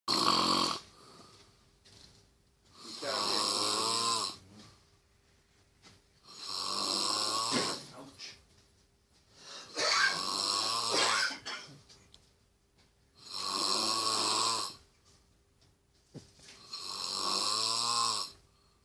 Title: The Mean Snore